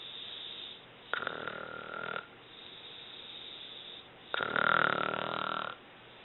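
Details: Mother snoring while asleep: two long, rough, buzzing snores on breathing in, about three seconds apart, with quieter breathing between them.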